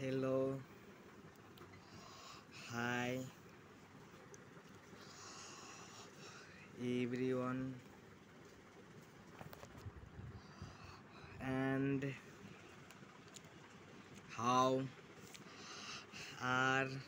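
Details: 16-year-old boy with a self-reported stammering problem, speaking very slowly word by word with long pauses while practising a technique of pausing after each word; stuttering.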